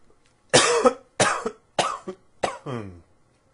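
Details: Four harsh, forceful coughs in quick succession, the last trailing into a voiced groan; ordinary acute cough.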